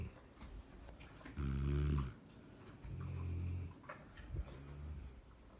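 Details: Sleeping Labrador dog and a woman snoring alternately: deep, rumbling, long low rattling snores; ordinary snoring.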